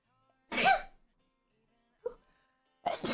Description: Right in the middle of a live stream moment and.. boom.. surprise sneeze attack! No warning, no buildup, just chaos.